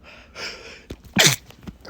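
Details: Male, attempting to stifle sneezes quietly, with a tickling nose and burning eyes: a short breath in, then one sharp, partly held-back sneeze burst in a quiet room; stifled sneeze.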